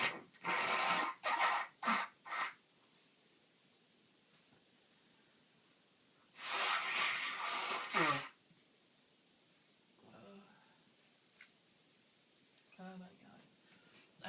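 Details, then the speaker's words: Repeated sneezing during a common cold: a quick run of four sharp sneezes, then a longer forceful sneeze and faint sniffs. The sneezes are uncontrollable, with watering eyes, tears, and a nose becoming blocked. "actually got tears running down my face from sneezing so much. And when I'm at work, I try so hard to stifle them into tissues, but now I'm at home, oh, they're so strong."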